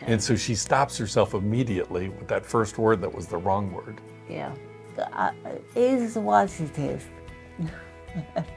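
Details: Adult man speaking, with background music; typical speech.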